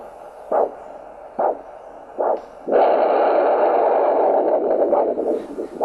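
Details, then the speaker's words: Doppler at the ankle during ankle-brachial index measurement: three brief arterial whooshes, then a loud continuous roar of normal venous return. "That roar that you just heard, that was Venus return."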